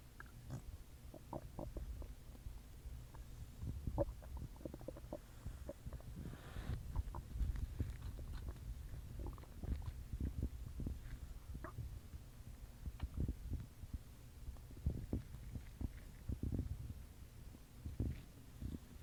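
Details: Stomach growling after an Earth Day dinner, recorded in a closet: continuous low gurgling and rumbling with bubbly pops, the normal sound of gas and fluid moving through the gut; borborygmi.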